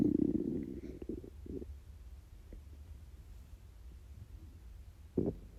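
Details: Low gurgling rumble, then faint irregular bubbling and a final short gurgle: borborygmi from a totally empty stomach during a 24-hour fast.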